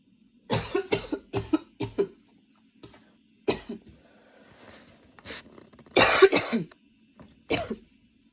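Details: Tail end of a coughing fit that came on while studying and worsened: a burst of about five quick harsh coughs, then further coughs and throat clearing after a pause.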